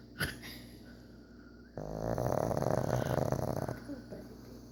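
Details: Sleeping pug snoring behind its owner: a single long, buzzing, fluttering snore of about two seconds after a quiet stretch, flat-faced dog's noisy sleep breathing.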